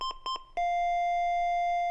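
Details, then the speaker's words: LIFEPAK 15 monitor demonstration: a few short electronic beeps, then a sustained steady advisory alarm tone triggered when SpCO exceeds 10% (carbon monoxide abnormally elevated) on a rainbow sensor. The elevated value flashes in place of SpO2. "There's an alarm tone, an advisory message, and the elevated value starts flashing here instead of the SpO2."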